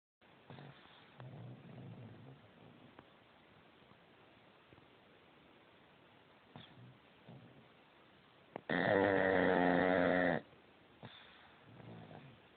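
Quiet low rattling breaths, then one loud, long, buzzing snore lasting about two seconds, followed by softer breaths; snoring.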